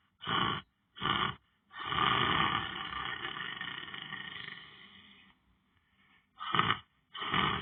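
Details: Person lying on the floor sleeping: loud rough snoring sounds in bursts, including one long drawn-out rattling snore, in a quiet room; snoring during sleep.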